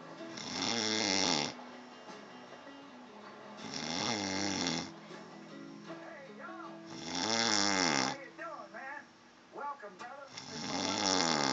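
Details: Sleeper who claims not to snore; loud rattling snores about 18 a minute, rough and buzzy on each breath, with music in the background; heavy snoring.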